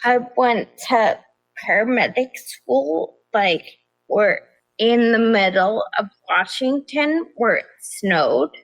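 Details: Adult woman with progressive ataxia of still-undiagnosed type despite many genetic tests; began at age 26; affects nerves, balance and speech, with nerve pain; mainly a wheelchair user; also severe anxiety and depression; ataxic dysarthria.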